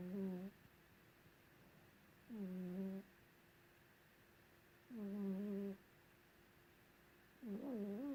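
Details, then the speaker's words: Sleeping cat under a white blanket, snoring: soft, regular buzzing sounds about every two and a half seconds, roughly 24 a minute, over faint room hum; snoring. "Lulu is snoring, and I'm going to try and capture it."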